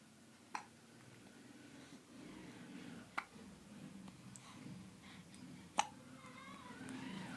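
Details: Two-month-old baby with hiccups: three brief, sharp hiccup sounds about two and a half seconds apart over soft room noise and baby sounds.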